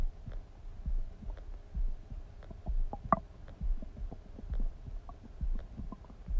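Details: Person's stomach rumbling: low gurgling and rumbling with irregular bubbling pops; ordinary bowel sounds (borborygmi).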